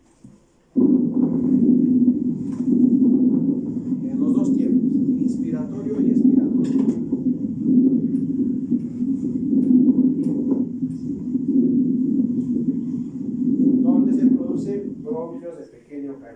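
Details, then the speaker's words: Coarse crackles (subcrepitant rales) from fluid secretions in the bronchi, said to change with coughing; teaching example. "Por qué se produce por presencia de secreción y se va a modificar con la dos"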